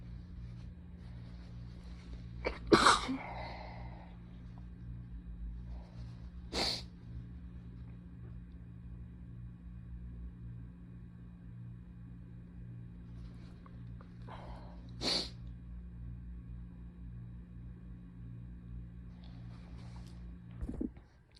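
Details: Adult with a cold and fever, day 1: three separate sharp sneezes spaced several seconds apart over a steady room hum.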